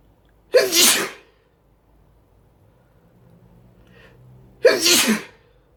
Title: Sneezing, with snot at the end